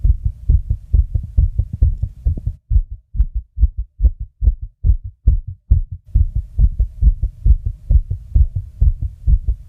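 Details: Own fast heartbeat recording: rapid, regular low thumping with a brief stretch where the beats space out; tachycardia.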